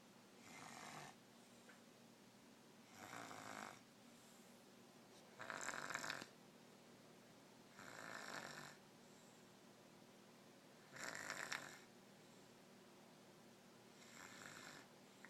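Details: Regular rasping snores roughly every three seconds, about 20 breaths a minute, with quiet room noise between them; snoring.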